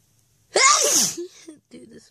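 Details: One loud, voiced, explosive sneeze from a loud sneezing fit, some sneezes stifled, recorded with flowers, with nose-blowing later. Soft breaths and small sounds follow the sneeze.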